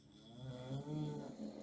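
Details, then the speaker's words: Pet dog asleep on the owner's foot under a desk: low, droning snore, a soft rumbling breath sound in a quiet room. "I'm sorry, my dog's snoring. She's asleep on my foot below the desk."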